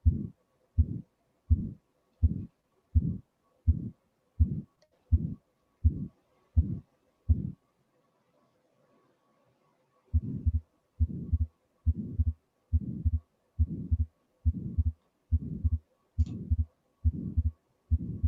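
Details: Heart sound recording played in a cardiovascular examination teaching session; two stretches of regular low heartbeats at about 70 a minute separated by brief silence. The specific finding is not named.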